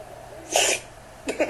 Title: Funny dogs Slow Motion Dog Sneeze